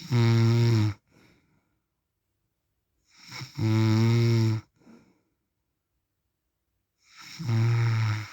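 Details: Real recording of an adult man (husband/dad) snoring in sleep: loud, deep, rattling snores on each in-breath, about 16 a minute, with a soft snort after each and quiet pauses between.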